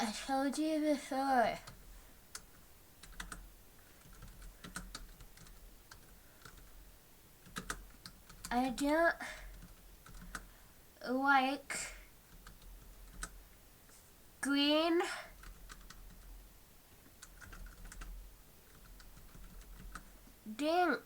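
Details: Acted re-enactment by an adult woman of her own early-childhood speech after a chin injury: lisp with tongue thrust and restricted mouth opening, hard to understand.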